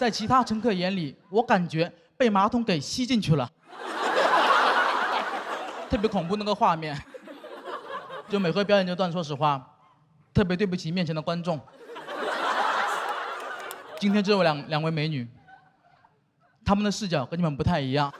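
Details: Adult woman speaking; normal speech.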